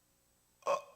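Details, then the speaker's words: Instructor's imitation of agonal (gasping) breathing in cardiac arrest: a single short, harsh throaty gasp in which the chest does not rise, often described by callers as gulping breaths. It is a sign of cardiac arrest. "이런 소리가 나요. 흔히 껄떡 호흡이라고 얘기를 하는데 전화 받은 사람이 숨을 껄떡껄떡 쉬는 것 같아요 라는 얘기를 많이 한답니다."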